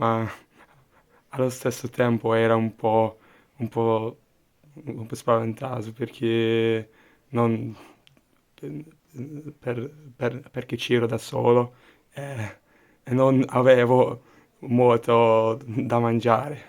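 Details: Stuttering with audible repetitions of words and phrases, in an adult Hungarian speaker talking in Italian as a second language.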